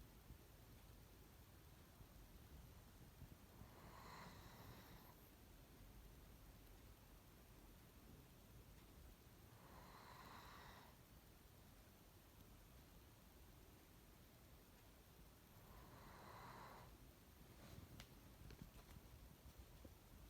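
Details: Snoring: soft, regular snoring breaths about every six seconds, over steady hiss and low background rumble.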